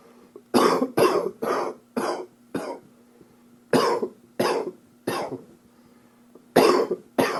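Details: Cough from an upper respiratory infection (2013 recording): ten harsh coughs in two runs separated by a brief pause.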